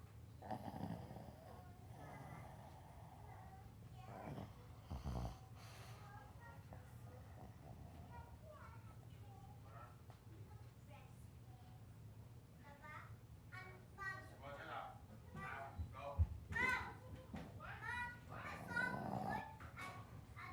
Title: Boston Terrier Snoring